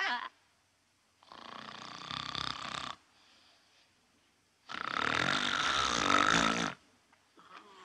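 Two long, loud, rattling breath sounds separated by quiet pauses, an acted adult snore from a film scene with faint room noise; snoring.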